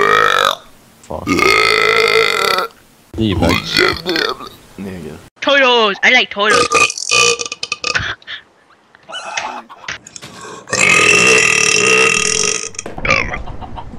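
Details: Compilation of loud, drawn-out voiced belches from various gamers, with talking and laughter between them: burping.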